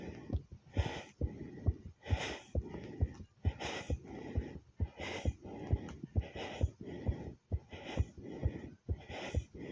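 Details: Self-recorded very fast, forceful heartbeat near 130 a minute with breath sounds rising and falling over it. The person reports the rate going from fast to slow, pumping hard, maybe with a few skipped beats.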